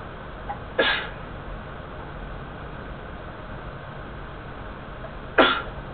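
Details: Two short, sharp sneeze bursts a few seconds apart against steady background hiss; sneezing.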